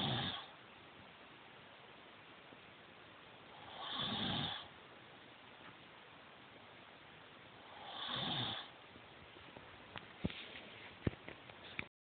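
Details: Person snoring during sleep while wearing anti-snore nasal strips: three snores about four seconds apart, roughly 15 breaths a minute, with faint clicks at the end.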